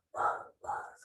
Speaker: That's how it sounds. The noise of turbulent blood flow. This is the only bruit that's a good bruit.